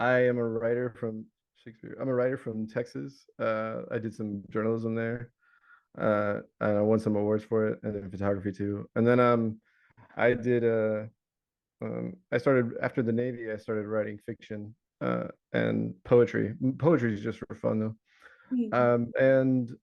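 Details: Adult man with Tourette syndrome whose recurring vocal tic, the word "Shakespeare", is interjected into ordinary speech; he also has word tics and shouting tics; vocal tic (Tourette syndrome).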